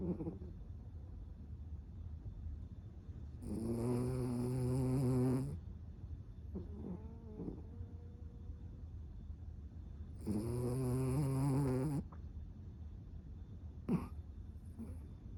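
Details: Cavapoo snoring loudly: two long, buzzy snores on the in-breath, several seconds apart, over steady background hum.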